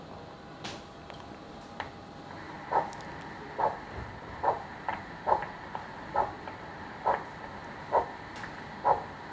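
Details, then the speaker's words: Pre-AV-fistula Doppler ultrasound of the brachial artery, probe transverse then longitudinal: good pulsatile triphasic arterial flow, peak systolic velocity around 50, artery diameter 3.4 mm; triphasic arterial Doppler flow. "are triphasic flow with the peak systolic velocity of around 50"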